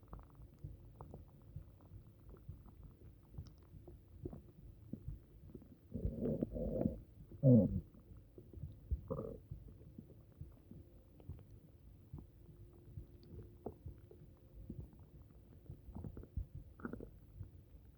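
Low gurgling and bubbling rumbles from the belly, loudest in a few bursts, over quiet room noise; an upset stomach.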